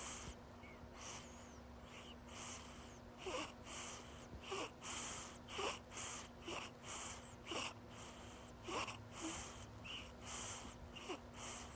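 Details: Noisy breathing: regular, rough breaths at about 40 a minute with harsh sounds on each breath cycle over a steady background hum.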